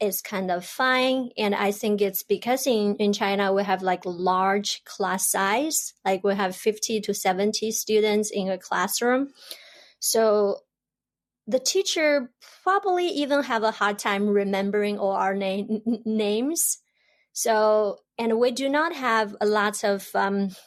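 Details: Stuttering in an adult woman who has stuttered since about age 7 or 8, with stuttering across her dialect, Mandarin and English; little support or resources were available while growing up in China.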